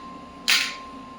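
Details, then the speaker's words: Shockwave therapy device started at 1 Hz frequency and a minimum energy of 5 mJ, self-applied to a small joint before the intensity is raised: a single sharp snapping click over a steady electronic tone, one shot firing. "अब मैं इसको start करता हूं। आप देख सकते हैं ये वन हर्ट्ज फ्रीक्वेंसी है और मिनिमम एनर्जी है 5 मिली।"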